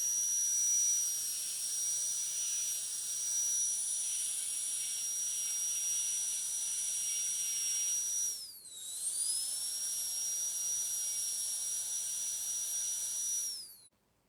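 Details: High-speed dental drill with a TF12EF yellow-band flat tapered polishing bur smoothing the metal-ceramic crown preparation on tooth 46; steady high-pitched whine with water-spray hiss, dipping briefly in pitch under load.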